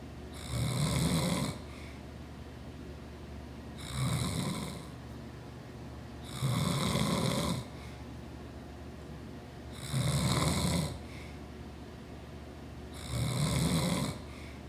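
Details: Snoring from a sleeping adult man: loud, rough snores on each breath in, about 16 a minute, with quiet breathing out between.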